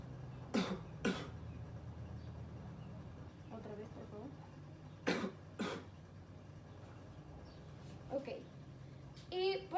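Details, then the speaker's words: 14-year-old adolescent asked to cough voluntarily during chest auscultation; two pairs of short, sharp coughs with brief soft speech. "le pedirá mi paciente que si puede toser"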